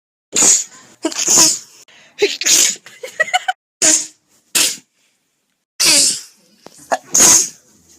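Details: Compilation of over 50 self-recorded sneezes collected over two years: a rapid series of sharp, hissing sneezes separated by brief pauses.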